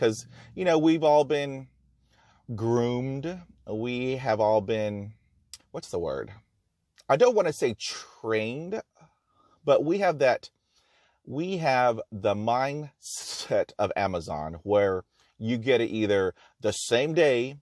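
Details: Real stuttering in a person who stutters, speaking in his own talk about stuttering; he notes there is no cure, only therapies and techniques to manage fluency.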